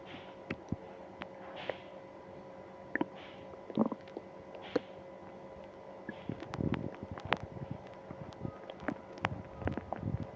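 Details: Stomach pain after eating ice cream: intermittent gurgling, bubbling and squelching abdominal sounds over a low steady hum, active bowel sounds (borborygmi).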